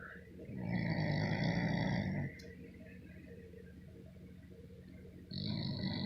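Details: Girl fast asleep, snoring like a grown man: loud, deep rattling snores on the in-breath with a quiet pause before the next snore.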